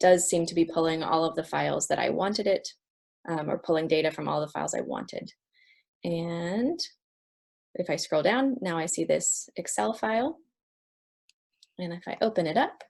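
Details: Adult speaker; no disorder.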